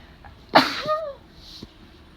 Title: Loud allergy sneezes